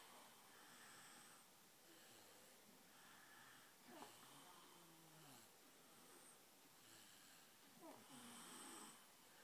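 Soft, rough breathing sounds recur through steady room hiss; quiet snoring.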